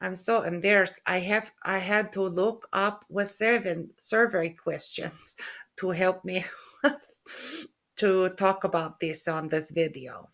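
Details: Adult woman with aphasia after a stroke in November 2023, with word-retrieval difficulty and halting speech.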